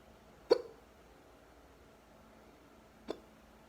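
Two abrupt, gulping hiccups about two and a half seconds apart in a quiet room.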